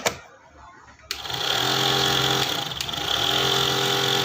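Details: A click, then a loud, steady buzzing motor hum with a rapid rattle: an electronic nebulizer compressor running normally after repair.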